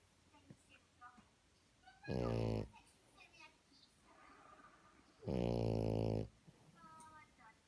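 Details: Female French bulldog snoring while asleep: two loud, rattling snorts with softer snuffling and wheezy breath sounds between them.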